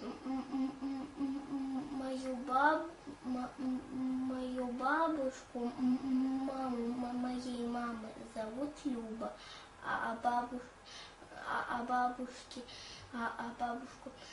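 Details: Young girl naming her family members, with audible repetitions and hesitations; stuttering.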